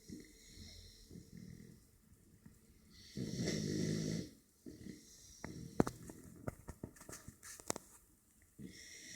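A loud rattling snore breath stands out among softer snuffling breaths and clicks; a puppy snoring.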